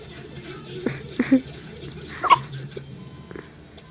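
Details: Baby with hiccups: four short, abrupt catching sounds over about four seconds against faint room noise.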